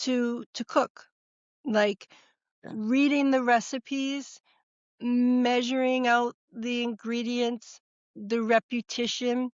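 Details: Woman, former educator of 30 years, stroke and TIA survivor, diagnosed about a month later by a neurologist, real speech: expressive aphasia (Broca's aphasia).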